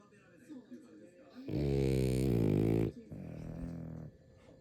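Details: Sleeping French bulldog with its eyes open: a loud, rough, rattling snore on the in-breath, then a softer, lower snore on the out-breath; snoring.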